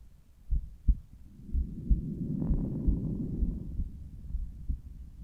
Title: Morning Apex- Heartsound, with Littmann Cardiology 4 Stethoscope.